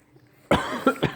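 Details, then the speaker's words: Baby hiccups during a feeding attempt while the baby sucks his finger: three short, abrupt throaty bursts in under a second. "I know you're hungry just can't stop hiccuping oh ok"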